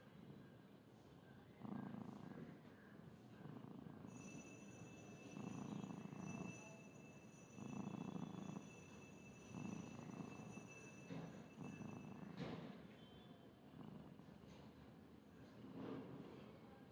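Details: Sleeping fluffy cat snoring, sometimes loud enough to sound like a human: regular soft rasping snores, about eight breaths in seventeen seconds, with a faint steady whine in the background.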